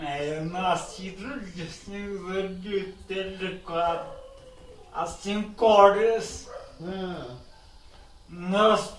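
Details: 29-year-old man with advanced hereditary cerebellar ataxia inherited from his father, with vision loss since age three; speaks with great difficulty; ataxic dysarthria.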